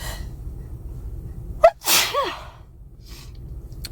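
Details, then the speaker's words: Adult woman on day 10 of nasal congestion and sneezing: one loud sneeze with a brief intake of breath before it. "I'm working with day 10 of being congested and sneezing."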